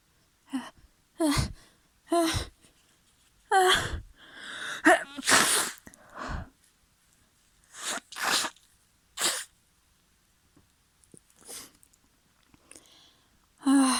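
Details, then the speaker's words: Person with a tickly, messy, sniffly nose: a run of wet, forceful sneezes with sharp in-breaths before them, some stifled and muffled; sneezing. "My nose is so tickly right now. Oh, I'm so messy. Oh. Oh. I think I need to sneeze again."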